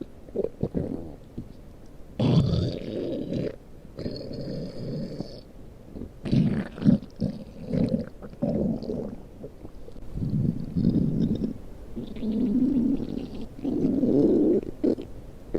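Low gurgling, rumbling bursts of stomach growling, the ordinary sound of gas and fluid moving through the gut.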